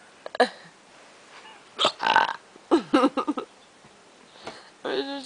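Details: Child with unusual hiccups he calls "hicburps": a few abrupt, voiced, hiccup-like gulps, some in quick pairs, in a quiet room.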